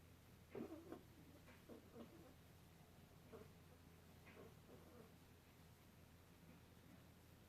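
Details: Faint, soft squeaky snuffling snores about every second over a low hum, from a tiny dog sleeping on a robe, who then wakes on realizing he is being recorded.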